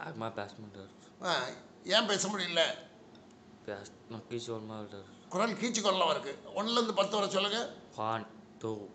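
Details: Male puberphonia (persistent high-pitched adolescent voice) recorded in December 2019 before treatment while counting aloud.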